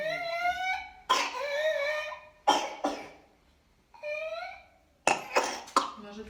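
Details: A child with whooping cough (pertussis) and a runny nose: bursts of harsh coughing between drawn-out, voiced breaths and cries, the paroxysmal coughing pattern of pertussis.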